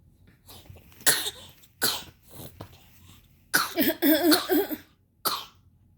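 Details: Young girl coughing while playing with her mother, recorded December 27, 2023; about five short, harsh coughs in loose bursts with a brief throat-clearing sound.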